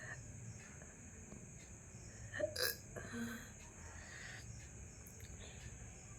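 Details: Hiccups in an adult after eating a large luchi (fried bread), with gurgling felt in the throat; two or three sudden, sharp throat clicks with a brief gulping catch over steady background hiss.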